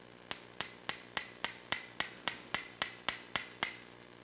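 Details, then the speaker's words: Sharp, evenly spaced taps, about 222 a minute, as an awl is driven into bone at the edge of the humeral head during arthroscopic shoulder surgery to make the first bone hole for an anchor. "This is an awl, and we're going to use this to make our bone hole. So we're going to put the awl right here at the edge of the ball of your shoulder. Now you're going to hear some tapping."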